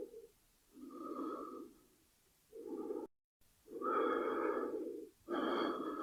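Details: Breathing sound effect, not a real patient, paired with lung X-ray imagery: slow, audible in-and-out breaths, roughly one cycle every few seconds; normal breathing.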